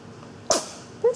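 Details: 6-week-old with squeaks and sneezes: a single sharp, explosive sneeze followed by a brief squeak, over steady room noise.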